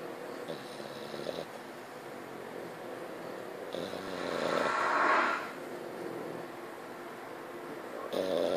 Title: Frenchie symphony of snores lol